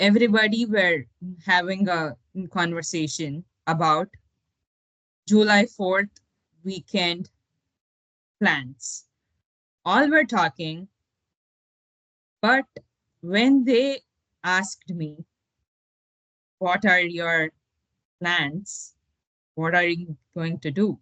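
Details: 33-year-old woman, a Tamil/English speaker and electrical engineer, stuttering since age 9 with blocks, grimaces and body contortions; therapies did not materially reduce it; improved with coaching but still has bad incidents; stuttering.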